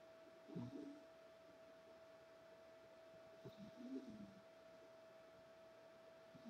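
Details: Sleeping female cat snoring: two soft, low rumbling snores about three seconds apart over a steady appliance hum.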